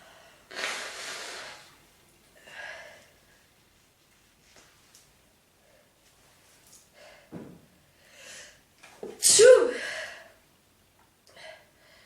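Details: Woman sneezing: several separate sneezes with quiet breaths between them, the last one loudest, in a small quiet room, part of a repeated sneezing bout.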